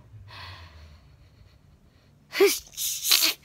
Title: The Sneezing Sniffler - PeekaBoo